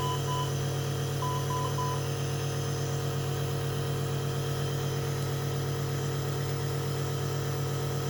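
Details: NICU baby with Down syndrome, admitted for wheezing, chest congestion and respiratory distress, receiving nebulizer therapy and oxygen: steady low drone of a running nebulizer compressor, with faint high beeps near the start.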